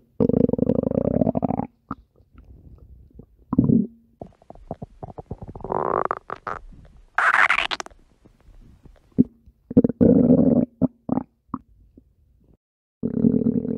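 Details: Rabbit's active bowel sounds: loud, irregular gurgles, squeaks and rumbling bursts over about 14 seconds from the tummy, consistent with normal gut movement.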